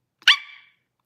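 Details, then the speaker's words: Girl with Tourette syndrome during a livestream: a single sudden, high-pitched bark-like yelp under half a second, which she describes as her high-pitched bark; vocal tic. "my high pitched yeah it's a bark"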